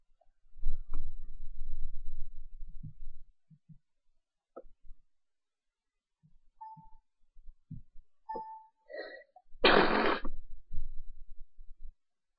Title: The Big Sneeze, Recoil and Sleeve Wipe!